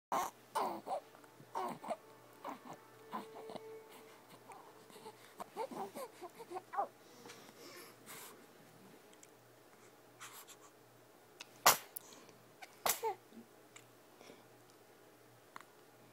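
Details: Infant cooing softly, then two sudden, sharp sneezes close together near the end.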